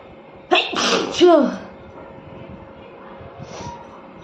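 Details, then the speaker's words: Woman deliberately provoking sneezes with paper during a sneezing challenge, her nose turning red afterward: a quick in-breath, then a loud, explosive sneeze, with quiet room noise afterward. "तो मैं हमेशा से paper से टीजिंग करती हूं क्योंकि मुझे paper से अच्छे स्नीजिंग होता है तो मैं आज भी पेपर से करूंगी"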